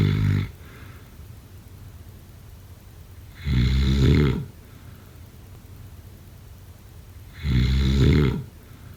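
Three loud, rumbling snores about four seconds apart, roughly 15 breaths a minute, quiet between breaths. Ordinary snoring.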